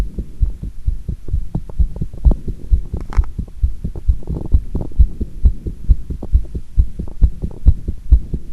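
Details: Heart sounds recorded with pressure against the chest after squats: fast, steady thumps at roughly 130 beats a minute; the recorder notes one irregular beat occurred; rapid heartbeat after exercise.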